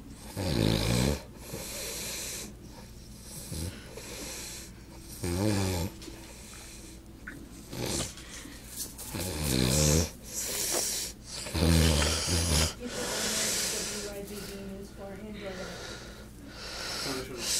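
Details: Uncle snoring: loud, rattling snores every few seconds, each a rough vibrating breath through the relaxed throat during sleep.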